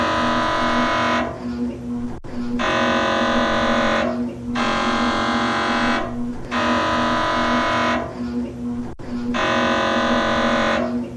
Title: Efectos de sonido - MRI - Escaner médico